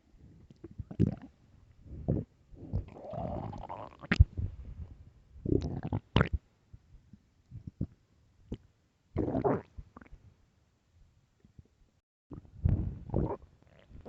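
Low, gurgling rumbles and bubbling growls in bursts; hunger-related stomach growling, a normal sound of the gut moving gas and fluid.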